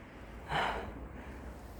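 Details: Stray cat with a severe cough, outdoors under persimmon and trifoliate orange trees: a single short, harsh cough-like hack against a quiet background.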